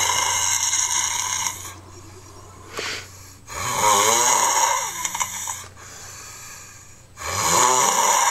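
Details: Loud rattling snores on the in-breath from a sleeping person, three within eight seconds with quiet pauses between, about 16 breaths a minute.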